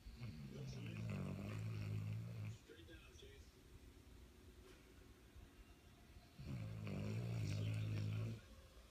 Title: Snoring dog